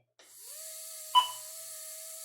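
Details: High, steady whine of a dental implant handpiece motor spinning up, with a brief knock midway; the motor is overheating from a catching bearing, with its temperature rising from 34 to 46 °C.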